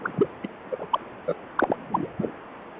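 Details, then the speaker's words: Transcranial Doppler bubble study after steady agitated-saline injection, before Valsalva: brief chirping pops over low Doppler hiss as microbubbles reach brain circulation, a positive result suggesting right-to-left shunt such as PFO. "And then we listen and you can hear the bubbles that have come by. And this patient who has a positive bubble."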